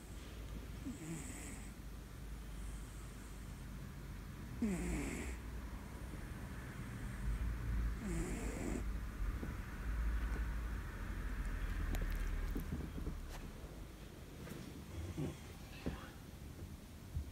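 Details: Several pet cats sleeping together at night: soft, low rumbling snores and sleep breathing with faint room noise. Snoring.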